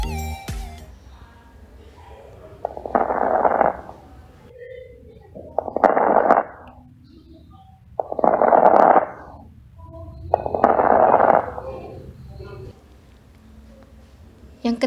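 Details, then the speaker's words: Four breaths, about 23 a minute, with brief discontinuous popping crackles heard during inspiration, from delayed reopening of closed small airways; crackles. "dua crackers adalah suara yang berlainan atau non kontinu akibat penundaan pembukaan kembali Jalan napasnya menutup terdengar selama inspirasi"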